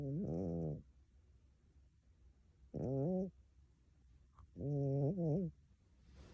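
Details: Cat snoring like a human: three rhythmic, buzzy, pitched snores, each under a second with quiet gaps between.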